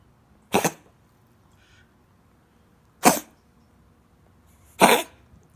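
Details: A dog gives three short, harsh coughs spaced a few seconds apart in a quiet room; the owner wonders what it ate.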